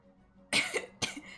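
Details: Repeated coughing from a hoarse-voiced streamer who is sick with COVID-19, heard during a live gaming stream.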